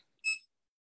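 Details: Brief quiet high-pitched beep as a muscle stimulator (electrical stimulation in physical therapy) switches on; the patient actively exercises when it beeps, cueing the muscle to contract.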